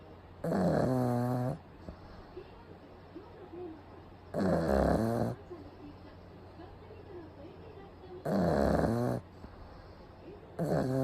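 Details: Pug sleeping during a daytime nap with eyes rolled back showing the whites, recorded close up; loud, rattling snores about 15 a minute with quieter exhalations between.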